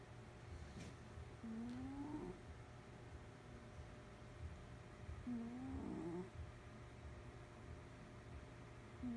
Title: Cat snoring. Random video.